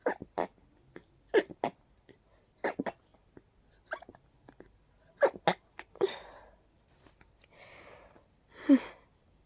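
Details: Rapid bursts of short, sharp sneezes followed by sniffs and a final fuller sneeze from a person who reports being very allergic to pollen; repeated pollen-induced allergic sneezing.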